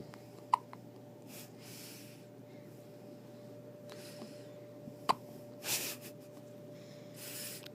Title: 10/23/12 just born hiccups